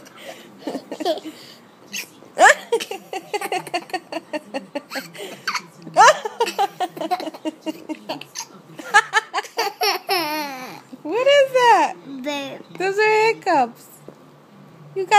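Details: Baby with morning hiccups: giggling and babbling broken by abrupt, short voiced catches of hiccups mixed into the laughter.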